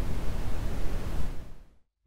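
Steady deep rumbling hiss, weighted toward low tones, fading out after about 1.7 seconds: brown noise for tinnitus masking.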